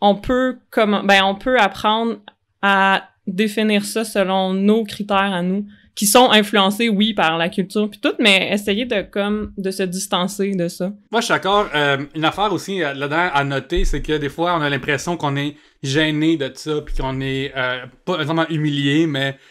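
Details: Adult male comedian and podcast host with cluttering (speech too fast or irregular, reduced intelligibility); only realized in adulthood that speech therapy could help, previously unaware the condition had a name; finding: cluttering.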